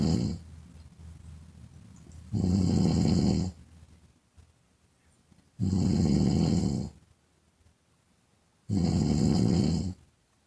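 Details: Woman snoring, half-hour ASMR recording: deep rattling snores about every three seconds, roughly 19 a minute, with quiet breathing between them; regular snoring.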